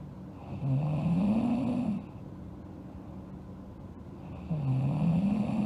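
Two rumbling snores on inhaling, about four seconds apart, over a steady background hum: snoring.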